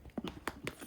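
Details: A husky sneezes after smashing his nose into a pup cup: quick, sharp nasal snorts, then a brief sneeze burst.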